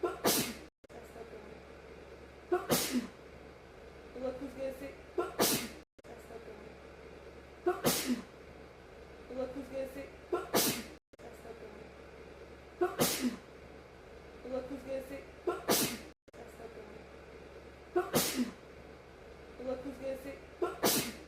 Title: sneezes on Kita funny tiktok loop edit for 5 ½ minutes #loop #sneezing #funny #achoo